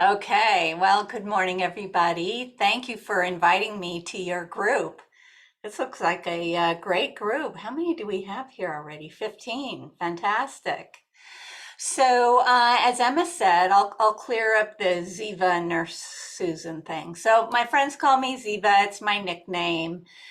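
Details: Adult woman with essential tremor, a progressive hereditary neurological movement disorder that also shakes her hands and body and affects her larynx; essential voice tremor.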